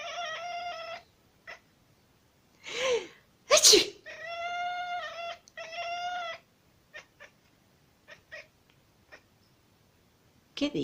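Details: Two sharp adult sneezes from the owner, each answered by a long, clear meow from a kitten, in a quiet room; sneeze.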